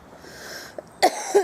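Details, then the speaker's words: Adult with a lingering cough, early morning on the way to work after poor sleep, exhausted: two short, harsh cough bursts after a faint breath, in a quiet room. "Still got my lovely cough, as you can hear."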